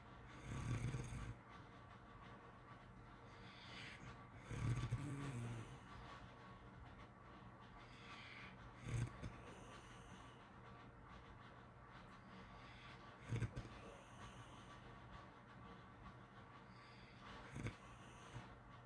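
Soft snores and snorts about every four seconds, some with a wheezy whistle on exhaling, over a quiet room hiss.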